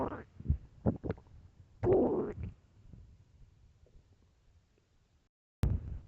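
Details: Very hungry, famished person: low gurgling, rumbling stomach noises in short bursts, one longer growl, then quiet; borborygmi.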